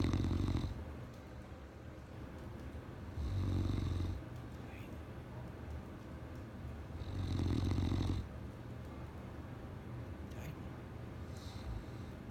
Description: My great Pyr, Titan, loves to sleep on my lap- he snores